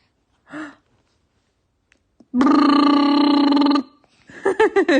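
A loud, long, low, rattling voiced belch lasting about a second and a half, followed by brief vocal sounds: a burp.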